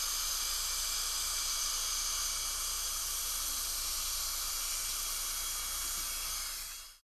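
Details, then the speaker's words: High-speed dental handpiece with a KS1 round-ended diamond bur preparing the incisal/occlusal edges of a patient's mandibular premolars for veneers; continuous high-pitched hissing whine that winds down at the end. "I'm going to use this little ks1 diamond bur which has a little rounded end on it a rounded shoulder to prepare over the occlusal the incisal edges of the mandibular premolars"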